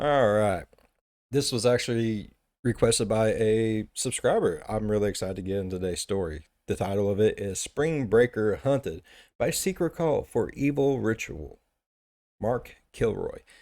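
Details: Adult male speaker; Typical voice.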